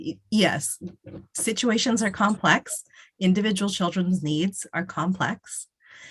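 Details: Adult speaker; typical speech.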